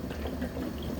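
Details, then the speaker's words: Fisher & Paykel bubble CPAP water chamber with flow set at 8 (at least 6–8 needed): continuous low bubbling and gurgling of water, showing a decent seal with pressure maintained. "so what you want to see if you've got a decent seal is bubbles and that's extreme you're not"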